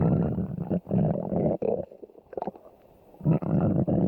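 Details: Stomach growling: low, gurgling rumbles in several long bursts with quieter bubbling pauses between them; borborygmi.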